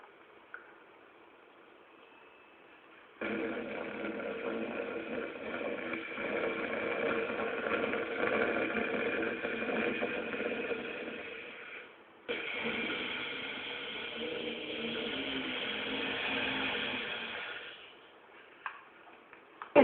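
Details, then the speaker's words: Deliberate Ujjayi yoga breathing, seated with eyes closed and tongue folded back to the palate: two long, steady, hissing, snoring-like throat breaths, one in and one out. "और आंख बंद करके आपको श्वास को भीतर लेते हुए भी खर्राटे जैसी आवाज निकालनी है और बाहर छोड़ते हुए भी।"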